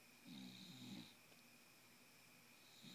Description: Wide awake bulldog, Miss Piggy, snoring.